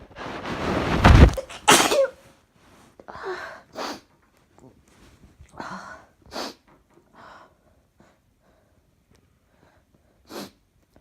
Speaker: I have to sneeze. I have to get one.